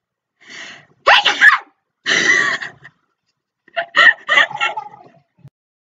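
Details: Woman sneezing: a sharp inhaled gasp, an explosive sneeze, a second sneeze, then a short burst of her own laughter.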